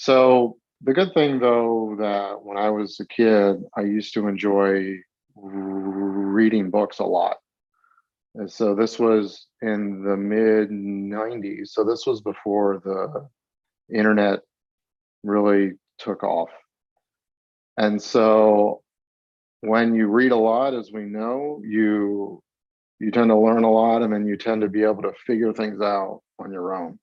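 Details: Stuttering in a 42-year-old adult who has stuttered since about age eight, with several years of school-age speech therapy; real, not acted.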